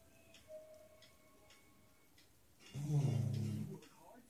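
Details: Quiet ticking in the room, then one deep, rattling, buzzing breath of about a second; snoring from a sleeping dog.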